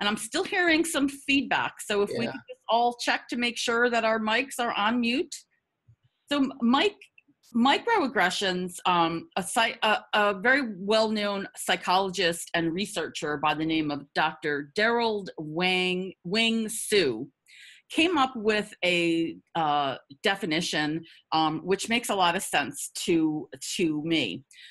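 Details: Adult woman who stutters, with repetitions audible in her spontaneous speech; stuttering.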